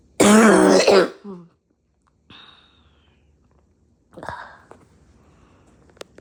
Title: Mid morning cough got me in a chokehold